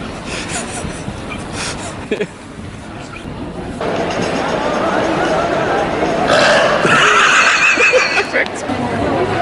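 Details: A loud, long, rough belch rising over outdoor street noise and nearby voices, recorded in public; burping.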